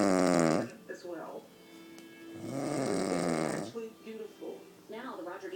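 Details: Woman who claims she doesn't snore, snoring asleep: loud, buzzing inspiratory snores recurring over a television playing in the background; snoring during sleep.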